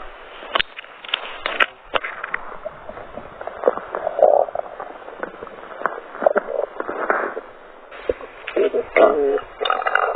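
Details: Adult stomach growling: irregular gurgles, squelches and brief squeaky rumbles; ordinary bowel sounds.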